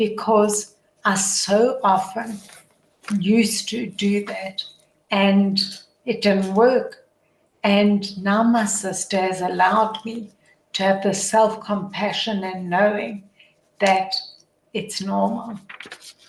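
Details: Adult woman with motor neuron disease, a progressive degenerative disease whose functioning worsens daily and which she says is audible in her voice; dysarthria (motor neuron disease).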